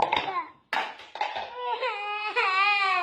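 Short fussy bursts build into a sustained, clear wailing cry from a baby.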